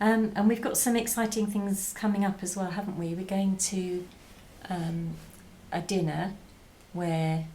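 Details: Adult woman; normal speech.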